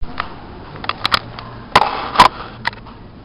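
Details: In a quiet library with faint clicks, a short sharp intake is followed by a brief, somewhat muffled burst of air: a single sneeze.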